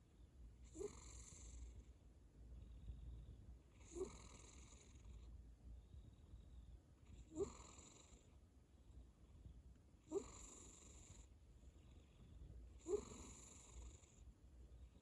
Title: 고양이 코골이 소리